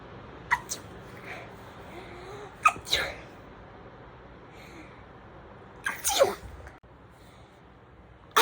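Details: Imitated sneezes showing how different people sneeze: several short, sharp sneeze-like bursts over quiet room noise, not real sneezes.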